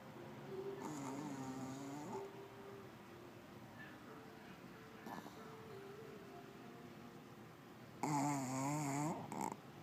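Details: A pug snoring: two wavering, whistling, nasal snores over a steady faint hum, with a soft snort between.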